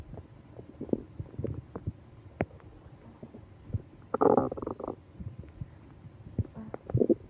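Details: Soft scattered gurgles and clicks with one louder bubbling rumble over faint room noise: active bowel sounds (stomach growling) during a stomach ache on a business trip, with moaning.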